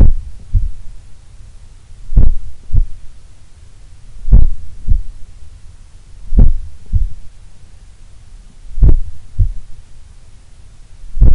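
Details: A person relaxing at rest in a sun room, at probably the lowest resting heart rate they have recorded, has low, soft paired heart thumps at about 28 a minute, slow and even: a slow, relaxed resting heartbeat.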